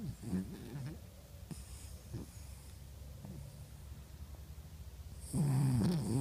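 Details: Soft, low snuffling breaths ending in a louder, rattling snore; snoring during sleep.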